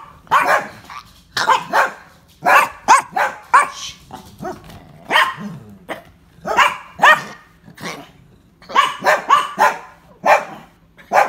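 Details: Dog coughing: repeated harsh, honking coughs in quick bouts, about fifteen bursts with short pauses between.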